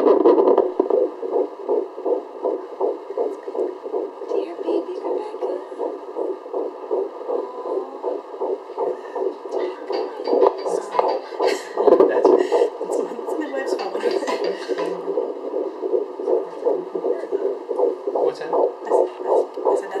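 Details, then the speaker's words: Fetal heartbeat on Doppler in a midwife's check, rapid regular whooshing pulses about 160 per minute, on the higher end of normal. "midwife's phone um 160 that's on the higher end of normal"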